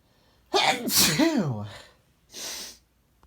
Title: Quick bout of sneezes 🤧 (male)